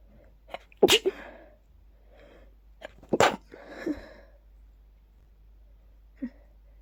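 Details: Sneezing attack from pollen after stifling, with watering eyes and increasingly stuffy nose: two forceful sneezes in quick succession with short intakes of breath before each, in a quiet room.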